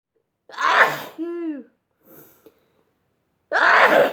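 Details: A sneezing fit: two forceful sneezes with a voiced breath and a rising intake between them.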